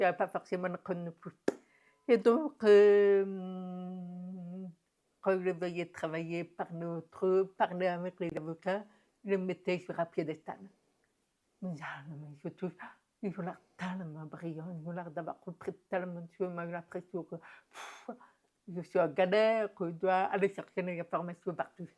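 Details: Adult woman deaf since infancy (diagnosed at 9 months, doctors said she would never speak), who has never heard her own voice and learned to speak through about 20 years of speech therapy and lip-reading; deaf speech.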